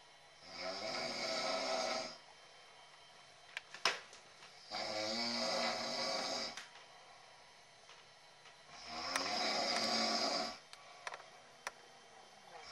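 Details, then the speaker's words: Adult man (a father) snoring after a long weekend: three rattling, vibrating snores on the breath in, spaced by quiet pauses, in a quiet room. "guys my dad's snoring, so here we go."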